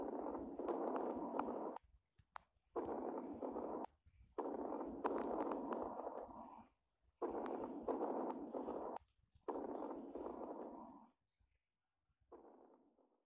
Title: Ausculta Pulmonar - Sons Creptantes - sons pulmonares